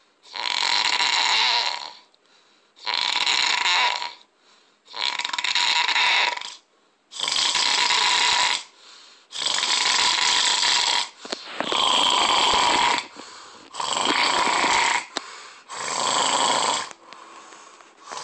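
Loud, rough, rattling snores in a steady rhythm, about nine in 18 seconds, each lasting one to two seconds with short pauses between.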